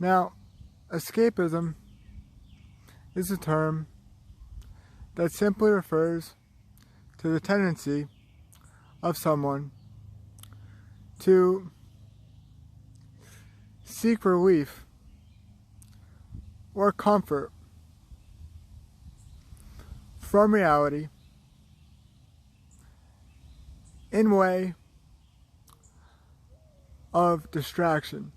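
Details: Slow, halting speech with long pauses between short phrases in a man with cerebral palsy.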